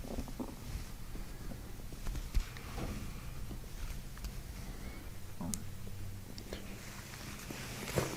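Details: Gut sounds released as the belly is pressed during chiropractic work on a patient taking gentle belly breaths: low rumbling with brief gurgling, bubbling sweeps over faint room noise; bowel sounds (borborygmi).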